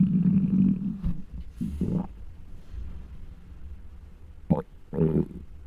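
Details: Hunger stomach noises recorded with a microphone from a very large person: deep, drawn-out rumbling and groaning with short gurgles from an empty gut; hunger bowel sounds (borborygmi).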